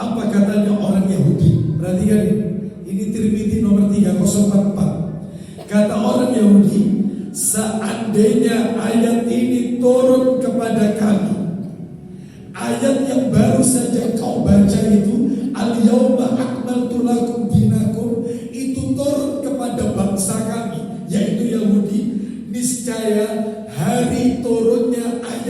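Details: Adult male with a vocal cord disorder for almost 2 months, real, reportedly improved but still strained and forced; dysphonia.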